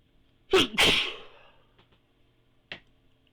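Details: One loud, explosive sneeze with a sharp intake and burst, then a faint breath and a small final snort; an ordinary sneeze.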